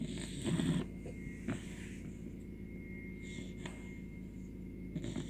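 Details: 17-week-old American Bully puppy asleep, low rumbling, rattling breath noise loudest at the start with faint background hum; dog snoring.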